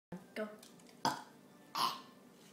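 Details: Children burping: a few short, gurgling belches in quick succession in a quiet room.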